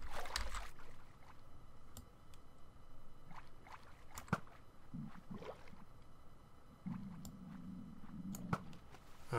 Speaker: you can hear my stomach growling